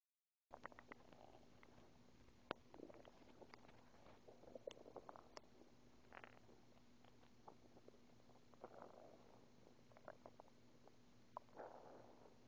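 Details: Soft gurgles, squelches and clicks from an empty stomach over a steady low hum, just after waking without breakfast: hunger borborygmi.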